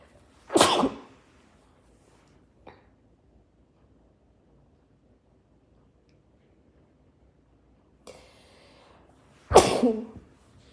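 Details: Two sharp, explosive sneezes muffled by sneezing into a shirt, separated by quiet breathing.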